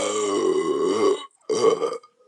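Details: Two long, deep, rumbling voiced belches from a woman after chugging beer while deliberately swallowing air, the first over a second long with a brief pause between; loud burping.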